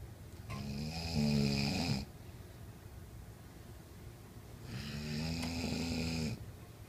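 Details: Sleeping father snoring: two long, low, rattling snores on the in-breath with quiet pauses between, about 15 breaths a minute; ordinary snoring.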